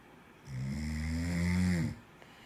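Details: A single long, deep, vibrating snore on inhalation with a steady buzzing tone; typical snoring.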